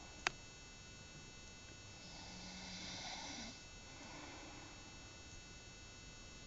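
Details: Light, soft hissy snoring breaths during sleep over a faint steady room hum; snoring.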